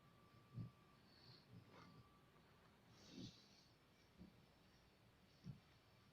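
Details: A sleeping pet snores loudly after the air conditioning is turned on, with short, low, snorting sounds at irregular intervals over steady room hiss; snoring.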